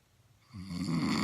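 A single loud, rough, rattling snore on an in-breath after a quiet start.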